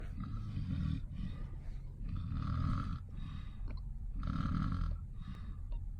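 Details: Mom, who says she doesn't snore, recorded asleep; repeated rough, rattling snores about 32 a minute, with low breath noise between them: snoring.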